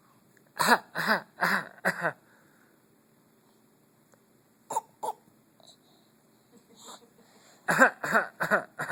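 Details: A child makes about ten short, voiced, pitched cough-like bursts in three quick runs separated by quiet: a pretend (fake) cough.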